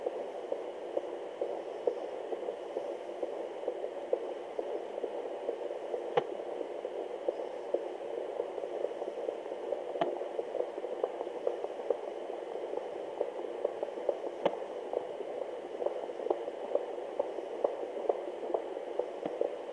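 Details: Fast, whooshing fetal heartbeat near 130 a minute with a sharp click every 2–5 seconds from fetal hiccups, which the mother thought she had felt beforehand.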